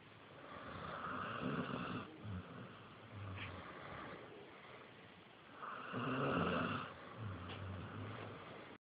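Slow, rough, rumbling snores on each breath, about two cycles in nine seconds; ordinary dog snoring during sleep.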